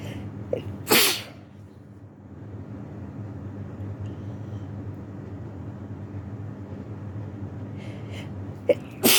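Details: Several short, sharp sneezes, one near the start and two at the end, separated by a quiet stretch with a steady low hum, from a person sick with flu isolating at home.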